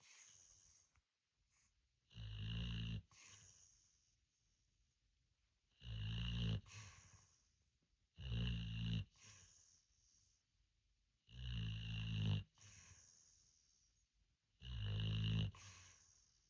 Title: Snoring through dreams